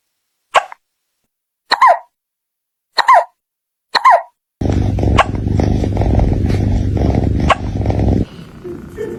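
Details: A cat hiccuping, possibly after eating food too fast: four brief, sharp hiccups about a second apart, then loud rustling.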